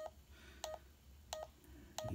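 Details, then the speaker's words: Check Me Pro pulse oximeter with the sensor on an index finger, recording: pulse tones with each heartbeat; reading heart rate 91, oxygen 99%. "it's telling me you have 91 heart rate and 99 oxygen level there's the answers the results"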